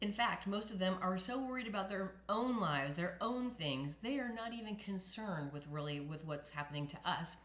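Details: Adult woman speaking; normal voice after recovery from spasmodic dysphonia.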